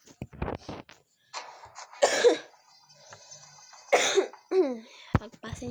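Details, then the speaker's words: Two short bursts of dry coughing from an adult speaker playing Mobile Legends, between bits of speech, with game sounds in the background. "nyo na guys kung inuubo ako ha."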